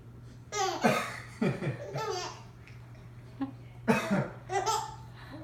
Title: Giggles at Daddy's Cough